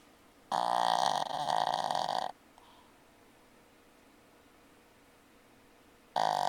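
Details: Pug dog snoring while riding in a car in the afternoon: loud rough rattling snore lasting nearly two seconds, a quiet pause, then another snore begins.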